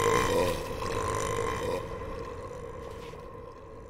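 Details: One long, loud, deep burp that fades out over a few seconds, with room noise; burping.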